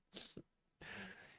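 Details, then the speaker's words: Adult trans woman with a hoarse, failing voice for about three weeks sneezes during a live stream: a short sharp vocal burst then a longer hissing, explosive rush of air; a sneeze. "anyway I've gone on a bit um my voice is dying as you can hear I need to do some sneezing so hopefully I'll be better"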